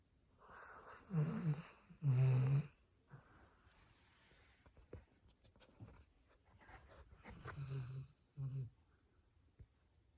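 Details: Sleeping dog snoring: low, rough, fluttering snores in bursts between quieter breaths, ordinary upper-airway snoring.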